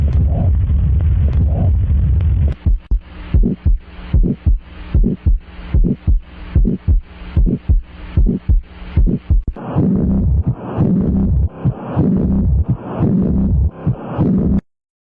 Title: Heart abnormal sounds murmur